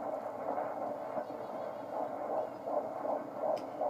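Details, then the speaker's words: Fetal Doppler at 16 weeks of pregnancy: fast, regular whooshing heartbeat, probably 150s–160 a minute, with static from baby moving and a kick; normal fetal heartbeat, nice and regular, perfect rhythm. "When you hear that static, that's the baby moving. The baby's heartbeat's nice and regular and even. It's perfect rhythm."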